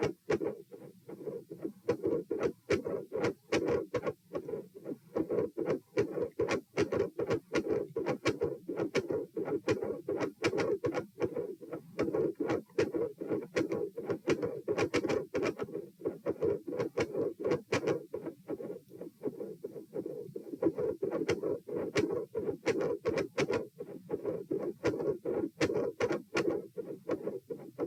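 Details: Stethoscope heart sounds at position P, supine, during repeated dry swallowing: fast heart sounds with occasional early beats. Swallowing-induced heart rate increase with premature atrial contractions; swallowing-induced atrial tachycardia or PDA questioned.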